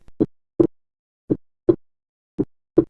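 Clean, slow two-part heartbeat at the pulmonary area, with the second sound splitting on breathing in: normal splitting.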